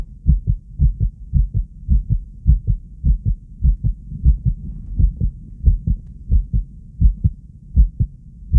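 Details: Fast, regular heartbeat (tachycardia) at about 107 beats per minute, with rapid paired heart thumps.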